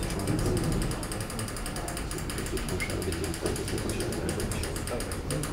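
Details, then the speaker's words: Rapid ratchet-like clicking and mechanical creaking as a dental implant is seated through a surgical guide into a hard resin model; the resin makes it louder than in a mouth. "je le mets en place tout seul fait un peu de bruit parce que c'est la résine qui est du en bouche ça fait pas ce bruit"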